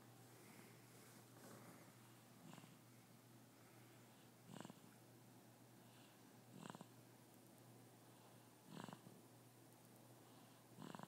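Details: A person snoring lightly while asleep during a Star Wars film: soft snorting breaths about every two seconds over room hum and soundtrack noise.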